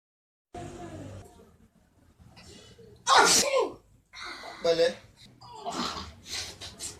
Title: Sneeze malady